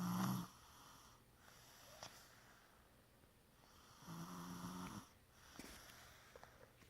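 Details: Two low, rattling snores about four seconds apart, separated by quiet breathing in a quiet room; snoring.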